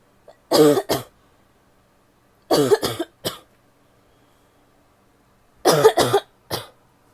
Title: coughing (f) wet and barky